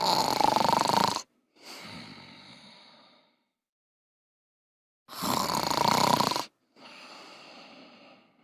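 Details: Cartoon character Humbug snoring loudly while napping in bed, simulated: two cycles of harsh indrawn snores, each followed by a softer whistling outbreath.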